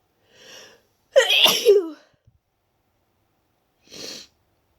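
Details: Deliberately induced wet sneeze after an itchy, tickly nose: a quick inward breath, then a loud, wet, explosive sneeze and a soft sniff.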